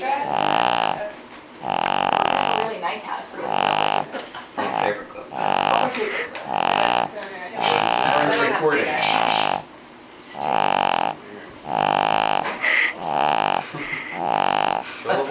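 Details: King Charles spaniel asleep, snoring with a loud rattling snore on every breath, about ten in fifteen seconds, roughly forty breaths a minute.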